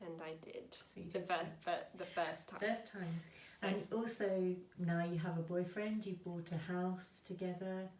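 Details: Adult women in conversation; conversational speech.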